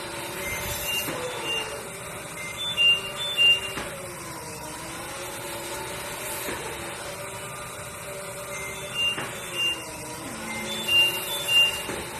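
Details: Cough assist (mechanical insufflation-exsufflation) used during respiratory physiotherapy on a child with spinal muscular atrophy to help cough up secretions: steady machine blowing hum shifting pitch in cycles, with paired beeps.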